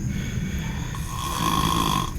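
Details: One brief, loud, rough snore with a rising buzzing tone on inhalation from a sleeping man; onlookers joke he took Xanax; snoring.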